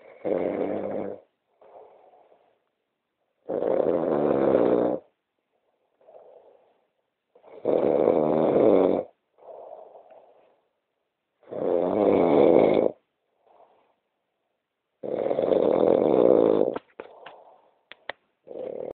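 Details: Loud rattling snores on each in-breath, about every four seconds, with softer out-breaths between; ordinary snoring during sleep in a hotel room at 3 a.m.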